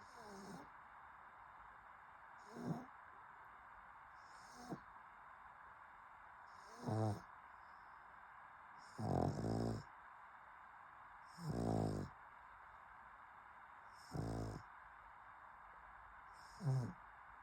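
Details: Rough, rattling snores about every two to three seconds, some with a whistling edge, from a sleeping pug over steady room hum: snoring.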